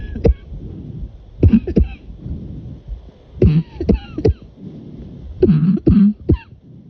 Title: More midnight coughing ￼